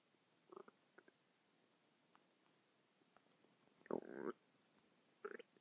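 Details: A person's stomach making several short gurgles and one longer rumbling gurgle in a quiet room, non-stop for 10 minutes: ordinary bowel sounds.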